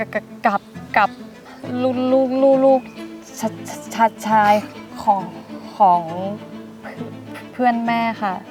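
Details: Acted stuttering by a female character in a Thai comedy skit; stuttering (acted).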